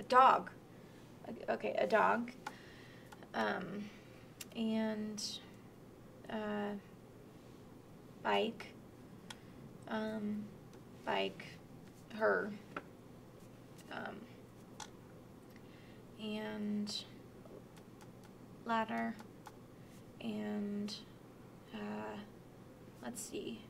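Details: Moderate Broca's aphasia, a non-fluent aphasia and acquired language disorder: halting, effortful picture description with single content words and missing grammar.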